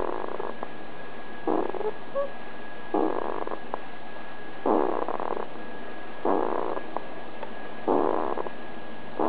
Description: 20080417-165352 baby's snore